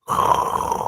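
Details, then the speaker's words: An adult's playful imitation of a snore: a single rough, droning vocal rasp under a second long, not real sleep sounds. "I love the sound of snoring. That means everybody's like restful and at peace."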